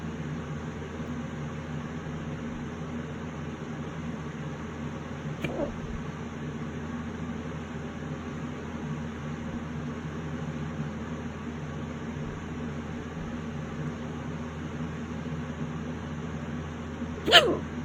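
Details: Late-night violent hiccups that have lasted half an hour: two sudden, sharp gulping hiccups about twelve seconds apart over a steady fan-like room hum.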